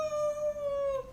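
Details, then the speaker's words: A vocal imitation of a wheeze: a thin, sustained musical whine like a kitten's mewing, used to teach ICU lung auscultation; it signals airway bronchospasm. "parece né entre aspas um gatinho miando esse barulho é preocupante para gente porque esse barulho representa que o pulmão tá em bronco espasmo"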